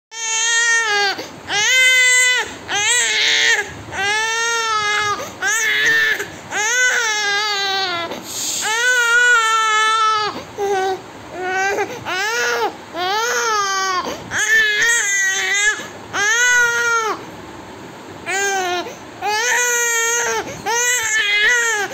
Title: Crying Baby ❤️❤️❤️😭😭😭😭